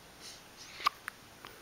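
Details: Infant hiccups: a single sharp, abrupt hiccup stands out against a quiet room, with a fainter click after.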